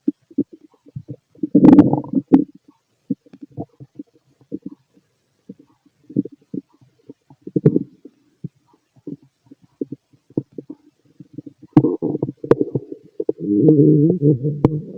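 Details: Fit male, stomach auscultated with a stethoscope while digesting pastry, chicken, curry, bread, milk, eggs and pasta; irregular gurgles and rumbles, longer growls near the end; normal active bowel sounds.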